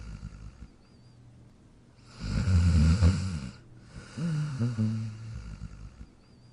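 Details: Sleeping dog in his dog bed: two loud, low, rumbling snores with quiet pauses between breaths; snoring.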